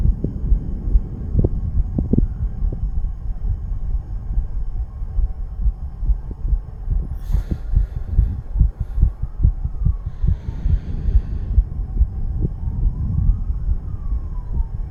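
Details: 34-year-old male recording his own heartbeat while under the influence of nicotine and "green stuff": rapid, repeating low thumps over a steady hum, fast heartbeat (tachycardia).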